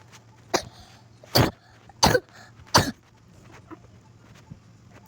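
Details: Four sharp, harsh cough bursts within about three seconds, then quiet room noise; an ordinary acute cough.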